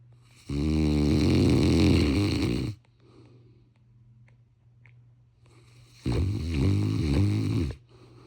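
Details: Two loud, rattling snores on the in-breaths, with quiet pauses between, from a large sleeping Cane Corso dog: ordinary snoring.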